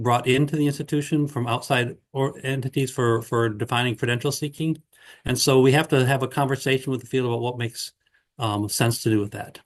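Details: Adult man speaking; Ordinary speech.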